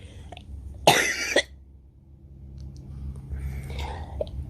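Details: A single harsh cough burst in a quiet room from a cough compilation, followed by soft breathing and faint rustling. Cough.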